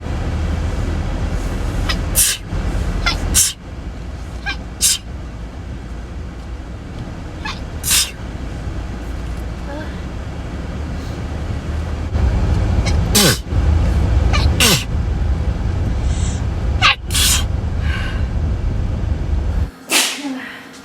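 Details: Self-described chronic sneezer with hayfever sneezing all day: about eight sharp sneezes in twenty seconds over a steady low rumble, a fit of repeated allergic sneezing.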